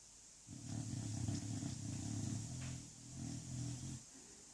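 Low, rumbling, fluttery snore from a sleeping bulldog, two long noisy breaths with steady room hiss behind.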